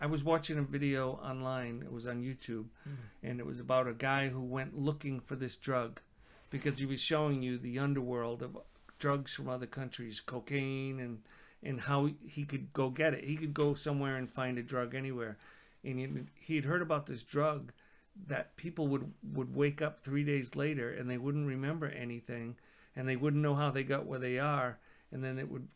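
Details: Adult man; ordinary speech.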